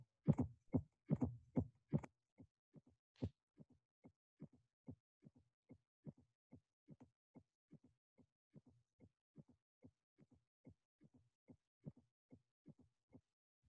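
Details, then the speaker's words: Fourth heart sound (S4) in aortic stenosis: regular heartbeat near 72 a minute with an extra soft sound just before the first heart sound. "in the following two slides we'll be able to appreciate the sound of the fourth of s4 in hong kong and in aortic stenosis"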